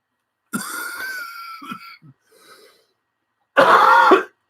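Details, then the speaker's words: Cough from an adult ill with influenza A, recorded on a table microphone a little distance away; acute cough. "Talking will be frequently interrupted by me and my lungs attempting to make their way to freedom."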